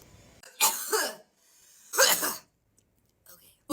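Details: Two harsh, forceful coughs, each breaking into a rough burst, with quiet breathing between, heard after taking a hit from a vape.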